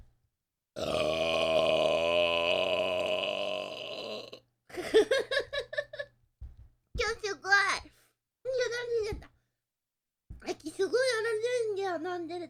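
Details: Japanese girl burping after drinking cola (1.5), with one long, drawn-out belch, then several shorter voiced belches and grunts in a quiet room; burping.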